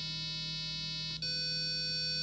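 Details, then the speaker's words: Hearing test tone from a frequency sweep: a steady, buzzy low tone from an 8-ohm speaker driven by a homemade 555-timer pulse-width-modulation amplifier. "e for your end and we'll start at frequency of 20 hertz which is supposedly the lower range of human hearing so let's begin"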